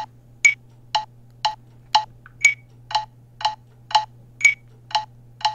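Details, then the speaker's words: Smartphone metronome app clicking sharply at 120 per minute, every fourth click higher-pitched, pacing three neonatal chest compressions to one ventilation during newborn CPR. "so then let's say you want to change it over and you need to now do compressions coordinated with ventilations so you need 120 per minute and you need one to four or three compressions one ventilation"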